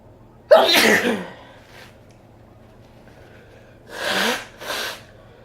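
One sharp, explosive sneeze, then after a pause a softer double sneeze, in a quiet room.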